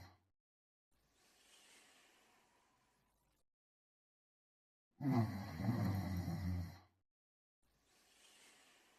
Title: Beethoven Sleeping & Snoring Part 9